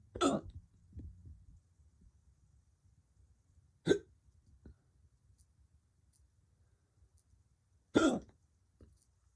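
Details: Male with hiccups since waking that morning: three abrupt, sharp, unpredictable hiccups about four seconds apart in a quiet room.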